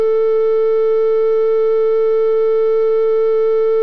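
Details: A steady, unbroken electronic tone like a heart monitor's flatline; an EKG heart monitor sound effect, not a real recording.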